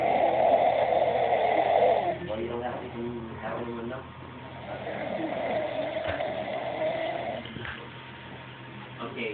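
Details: Rough, rattling snoring breaths rise and fade over a few long breaths, with a fluttery rasp in between; snoring.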